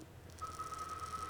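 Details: Clear + Brilliant fractional laser handpiece firing on a numbed patient's forehead during a live facial treatment for skin texture: steady high electronic tone over faint room noise.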